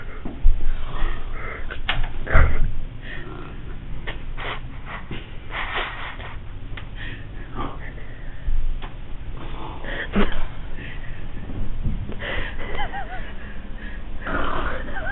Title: snoring.mov